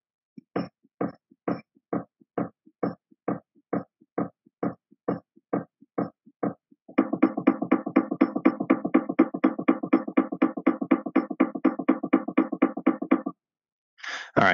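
Simulated newborn heartbeat: a steady rhythm near 140 a minute, then a much faster run near 220 a minute, contrasting normal sinus rhythm with supraventricular tachycardia.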